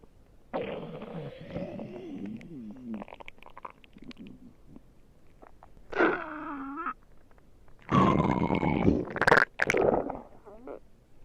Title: Someone's Stomach Growls Somewhere - Part 1(Request)